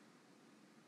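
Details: Adult man with Tourette syndrome demonstrating how he manages his big grunt tic by slowing it down and lowering its volume rather than suppressing it: vocal tic (grunt).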